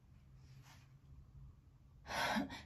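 Quiet room, then one sudden loud explosive burst of air through the nose and mouth: a single sneeze.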